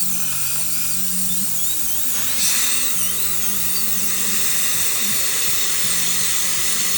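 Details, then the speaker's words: Steady high-pitched whine of a high-speed dental drill with a large round diamond bur, pitch dipping under load, cutting a lingual access window in a crown for a provisional over the tooth #8 implant; music behind. "so I know that my hole from the lingual is going to have to start somewhere around here so I'll make my first initial cut right"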